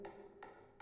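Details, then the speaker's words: Sharp, evenly spaced clicks, about 150 a minute, from a low-intensity shockwave therapy device used on a female patient; heard only as noise, not painful, non-invasive. "ese ruido no duele no sienten nada diferente al ruido nada más entonces no es doloroso no incómoda eh No es invasivo"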